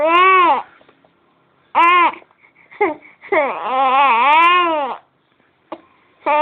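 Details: Infant with hiccups crying in repeated fussy wailing bursts separated by short pauses and catching breaths, while a caregiver soothes; infant cry.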